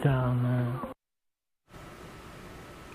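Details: Dysarthria from ALS in an adult male diagnosed in 2014; ten years on the disease has severely affected his speech and movement; enrolled in a study of an implanted brain-computer interface to control smart-home devices.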